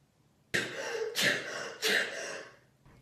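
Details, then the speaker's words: Simulated, acted sneezing in a comedy sketch: a person who can't stop sneezing gives three forceful sneezes in quick succession. "Like, I know that's probably really annoying, but like, when I sneeze, like, I can't stop."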